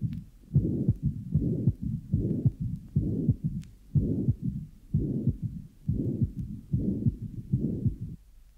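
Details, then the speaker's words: Apical recording, 12-year-old boy with large left-to-right shunts through a VSD and patent ductus arteriosus: regular beats about 76/min, pansystolic VSD murmur plus low functional mid-diastolic rumble, no presystolic accentuation or opening snap. "of a functional apical mid-diastolic murmur in a 12-year-old boy with large left to right shunts through a ventricular sepal defect and patent ductus arteriosis there is no presystolic accentuation or opening snap the panc stolic murmur of the ventricular sepal defect is also well heard at this site"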